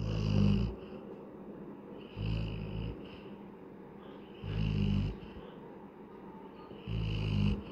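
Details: Adult Labrador dog snoring while asleep: deep, buzzing snores on each breath, about four in eight seconds.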